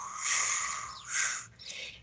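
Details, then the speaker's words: Renal auscultation with the stethoscope pressed deep, patient lying on the side with the leg semiflexed: repeated soft blowing whooshes, a renal artery bruit that can point to renal artery stenosis. "eso me puede dar indicativo de que hay una estenosis de la arteria renal"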